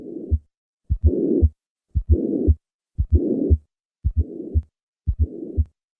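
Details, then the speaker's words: Simulated tricuspid regurgitation at about 58 beats/min: normal heart sounds first, then an added soft fourth heart sound before the first sound, then a systolic tricuspid regurgitation murmur. "Listen to the murmur of tricuspid regurgitation accompanied by a fourth heart sound. I will begin with normal heart sounds, and then add the fourth heart sound, and finally the murmur of tricuspid regurgitation."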